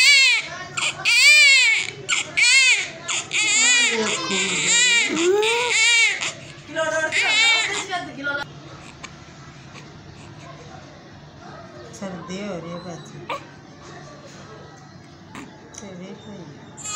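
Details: Newborn just born after a normal delivery: loud, rhythmic bursts of high-pitched crying fading to quieter whimpers; a vigorous newborn cry.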